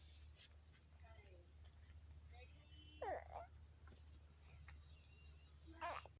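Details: A 19-week-old baby coos and babbles between a few short, light coughs during play; infant cough with cooing.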